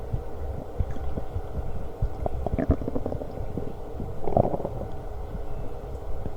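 Low rumbling and bubbling gurgles with brief squeaky bursts, typical stomach growling (borborygmi), over steady low background noise.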